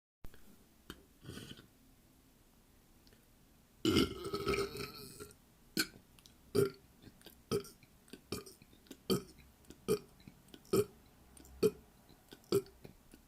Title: More burps